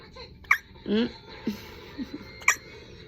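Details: One-day-old baby hiccuping loudly: two sharp, brief hiccups about two seconds apart, with soft infant vocal sounds between them.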